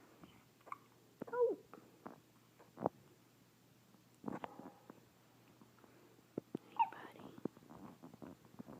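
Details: Hiccups in a 3-day-old newborn: a few soft, abrupt catches at irregular intervals in a quiet room.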